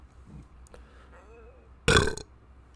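Single loud, deep burp lasting about a third of a second after quiet room noise.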